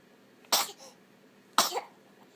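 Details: Eight-week-old baby boy: two short, sharp, explosive sneezes about a second apart in a quiet room.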